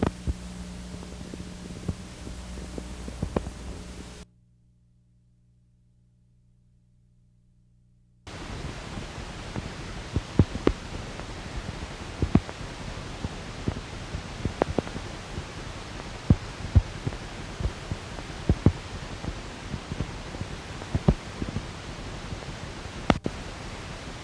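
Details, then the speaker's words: Fasciculation potentials on needle EMG: steady hiss with scattered, irregular sharp pops from random single motor unit discharges, seen in normal muscle and in anterior horn cell disease, myelopathy, radiculopathy, demyelinating neuropathy. "Faciculation potentials are observed in normal muscle as well as in anterior horn cell diseases, cervical spondyllotic myalopathy, radiculopathy and demyelinating neuropathy. Watch and listen to faciciculation potentials."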